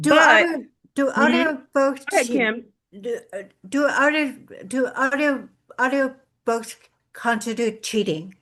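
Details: Adult woman with lifelong aphasia after a severe stroke in 2012, with difficulty putting words together; aphasia.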